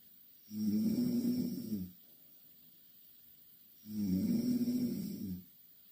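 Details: Snoring.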